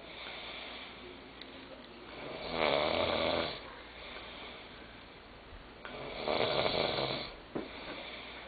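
Two loud, rough snores about four seconds apart, each on a slow breath in, with quieter breathing between. Ordinary snoring.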